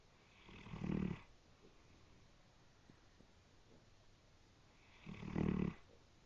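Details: Brindle Great Dane snoring, said to sound like a train: two loud, rough snores about four seconds apart in a quiet room, roughly 14 breaths a minute.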